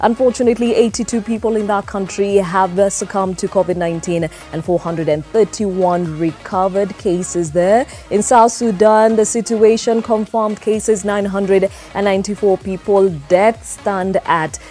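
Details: Adult speaker; typical speech.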